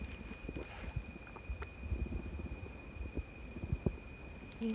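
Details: Normal bowel sounds (stomach rumbling) from the owner's adult abdomen, recorded with Kuri, a cat on day 84 of Mutian injections for FIP: soft, irregular low gurgles and pops.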